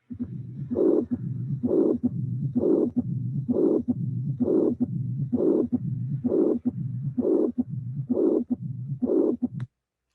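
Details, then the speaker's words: Patient with rheumatic mitral valve disease, mixed mitral stenosis and regurgitation, regular rhythm near 65/min: first sound, systolic regurgitant murmur, second sound, then softer low rumbling diastolic murmur; complex real-life recording. "so we have two murmur one is soft high intensity the other one is the the regard the other one is is the astolic marble putting together you have that means that you have regurgitation and stenosis regurgitation and stenosis"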